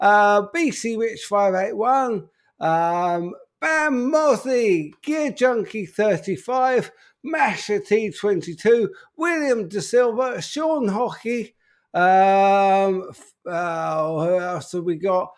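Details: Adult man with an upper motor neuron disorder affecting speech, progressively more evident and currently worse; real, unacted live speech showing spastic dysarthria.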